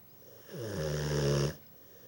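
One deep, drawn-out, rattling snore lasting about a second, from a sleeping large dog. Snoring.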